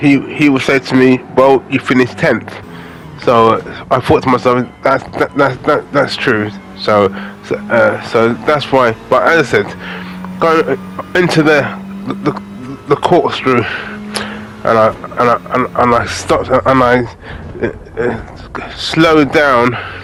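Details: Adult man with aphasia following a major stroke in August 2013, doing spoken gaming commentary as speech practice; repetitions and fillers audible; aphasia.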